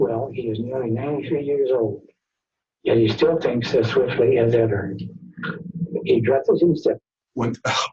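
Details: Flaccid dysarthria from cranial nerve/lower motor neuron damage, a teaching example in which speech is said to degrade over time as the speaker grows weaker.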